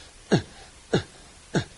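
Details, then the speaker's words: An adult imitating newborn expiratory grunting in respiratory distress with atelectasis, which keeps the alveoli open and is sometimes audible without a stethoscope: three short, regular expiratory grunts. "and they grunt you can sometimes hear with the stethoscope some sometimes you can hear it without without the stethoscope so they will grunt try to keep our V open"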